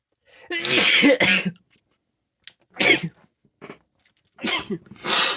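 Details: Sneezes induced experimentally by tickling with thick and thin paintbrushes (thin one judged better): several short, forceful sneezes and sneeze-like bursts with brief quiet gaps; sneezing.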